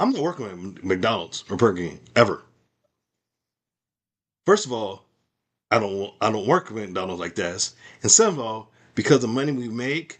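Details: Speaker with aphasia after a stroke, with difficulty understanding in meetings and needing repetition; conversational speech over Zoom; aphasia.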